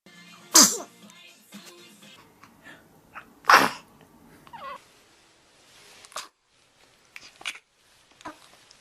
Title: Baby sneeze compilation || Lustige Videos#23